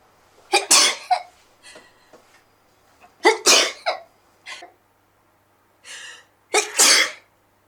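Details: Three forceful sneezes in a row from an adult woman, each with a sharp inward breath first.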